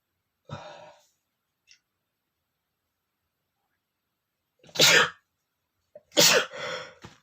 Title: sneezing male #17 (increscent sneezing)